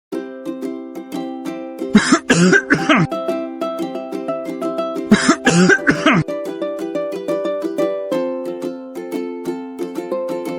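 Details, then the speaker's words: Plain coughing, two short bursts of a few coughs each, over light ukulele music; cough shown while explaining that coughing or sneezing releases respiratory bacteria or viruses via droplets that can spread to others. "sedang batuk atau bersin Tahukah kamu saat kamu sedang batuk atau bersin terjadi pelepasan bakteri atau virus yang berasal dari pernafasan baik percikan melalui udara maupun cairan pada tubuh yang bisa menular ke orang lain"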